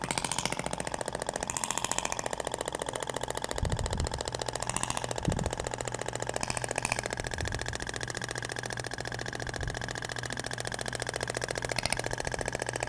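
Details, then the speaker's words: Radial shockwave therapy (Ibramed Thork) on the abdomen near the umbilicus, with a different applicator tip that sounds different, passing in a second direction: rapid steady tapping at about 3–4 pulses a second over a constant motor hum. "agora vai pro outro sentido até o barulho é diferente da pompea de po acetal PR"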